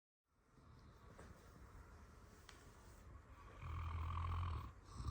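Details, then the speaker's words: Armenian Gampr dog sleeping at nap time, steady low rumbling snore growing louder toward the end; ordinary snoring. "оказывается Собаки тоже умеют хропить Вот так мы спим тут похрапывает похрапывает Вот такой у нас тихий час сладко-сладко похрапывает"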